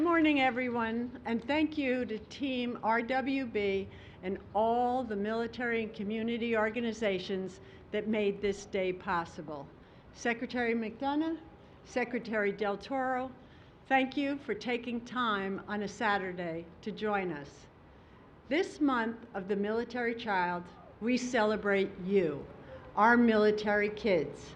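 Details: Adult woman giving a speech; normal speech.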